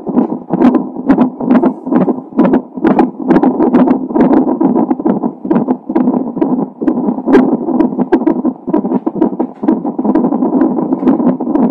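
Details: Fetal heart sounds of a baby with Down syndrome, recorded a few hours before birth: rapid whooshing pulses at about 130 per minute through monitor hiss.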